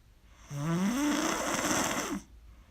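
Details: Very loud snoring during sleep: one long, loud, rough rattling snore on the in-breath with a deep fluttering buzz.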